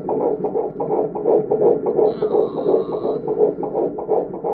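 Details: Rapid, regular whooshing fetal heartbeat about 167 a minute, heard for the first time at 11 weeks of pregnancy.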